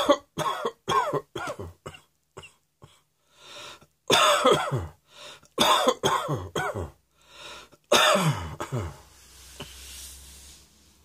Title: Cross Dressing Coughing 87